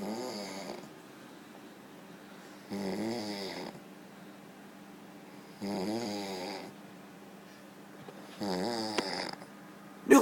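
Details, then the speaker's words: Regular loud, vibrating snores about every three seconds, roughly 20 breaths a minute, with quiet pauses between, from a sleeper who is then woken and told to go to bed; snoring. "What are you doing? Go to bed. You were snoring. Go."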